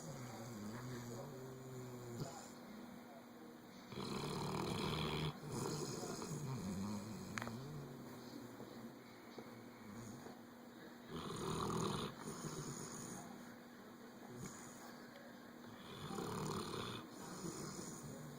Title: SLEEPING AND SNORING